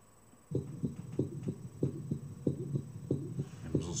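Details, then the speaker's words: Systolic murmur between S1 and S2 in a patient with hypertrophic cardiomyopathy, becoming much louder and longer on standing from squatting (dynamic auscultation, reduced venous return); real or simulator recording. "sopro entre o S1 e S2 do levanta-se modifica-se e passa a ser um sopro muito mais intenso e muito mais longo mais uma vez o aumento da intensidade muito significativa do sopro"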